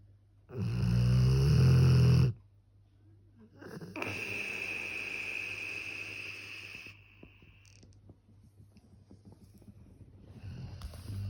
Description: Funny puppy snoring